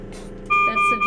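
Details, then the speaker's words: Servo-U ICU ventilator unsilenced to demonstrate its severe, high-priority (red) alarm for high airway pressure: loud, steady electronic alarm tones over a background hum. "so here i'm just going to unsilence our ventilator so you have an idea of what it actually sounds like so this is"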